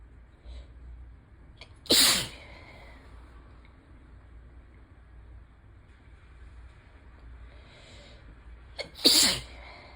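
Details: Ragweed-season allergic sneezing fit, nose itchy and suddenly very sensitive: two forceful explosive sneezes, each with a short preceding intake, over soft steady rain; sneezing from allergic rhinitis.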